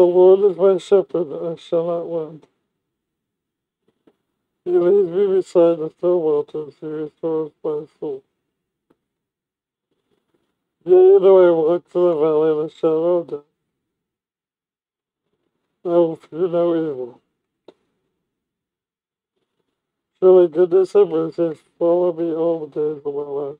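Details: Man with ALS using a full face non-invasive ventilator (NIV) mask with a voice amplifier microphone (ChatterVox or Speax), reading aloud; he says his speech is bad and sometimes hard to understand; dysarthria (ALS).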